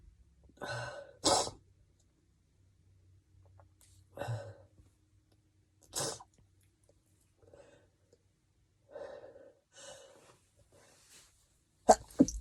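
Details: Stifled and wet sneezes, with chhinkni mentioned alongside: several short, muffled sneeze bursts partly held back, with sniffs and breaths between them.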